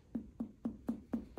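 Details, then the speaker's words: Percussion of the gastric bubble at the left 6th intercostal space, one rib space below the 5th, during an abdominal exam, giving a tympanic note. "if I go down one rib space, the 6th intercostal space, I should be close to the gastric bubble right here."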